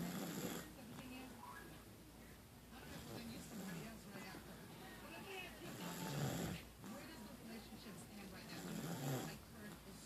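Loud, rough snoring on each breath, roughly one snore every three seconds, with a hissing exhale between.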